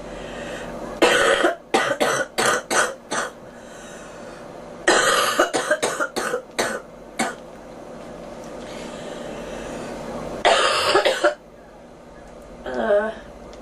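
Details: Three bouts of about six rapid, forceful coughs each from a girl, separated by pauses, with a brief throat sound at the end; she complains of ears popping; cough.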